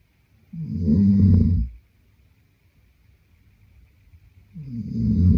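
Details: Sleeping boyfriend snoring: deep, rumbling snores about four seconds apart with quiet gaps, in a quiet room.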